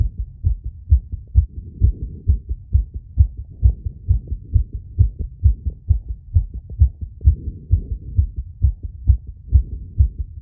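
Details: Self-recorded phonocardiogram after intense exercise with breath-holding and rapid squats to induce temporary arrhythmia: rapid, fairly regular low heart thuds about 130 per minute; tachycardia.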